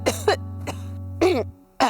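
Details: Acted wet cough for a cough-remedy commercial, with phlegm and itchy throat mentioned: several short, harsh cough bursts from an adult over steady background music.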